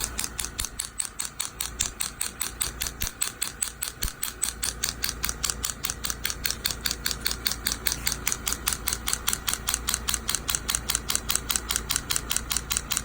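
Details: Sharp, regular clicking pulses at about one per second from an extracorporeal shockwave therapy device treating a young man's Achilles tendonitis after PRP injection; initially uncomfortable, then tolerable from the analgesic effect.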